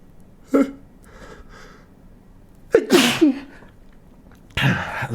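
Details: A small catch, then two explosive sneezes in a quiet room, the second with a voiced cry, deliberately induced by inserting a stiff paper tag into the nostril; sneeze.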